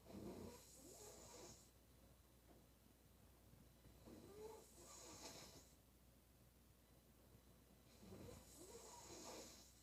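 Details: Female sleeper snoring loudly: rough, rattling breaths about 15 a minute, each with a hissing exhale.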